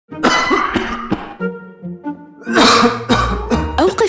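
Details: An adult gives repeated harsh, short coughs over background music, an acted dry cough in a cough syrup advert.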